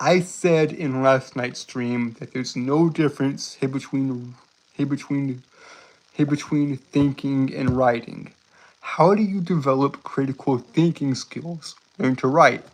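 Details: Adult male streamer with a self-reported speech impediment that makes him stutter and trip over his words; many repeated words and phrases; stuttering (phrase repetitions).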